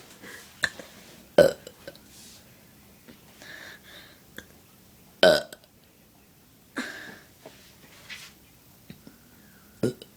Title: my sister's burping problem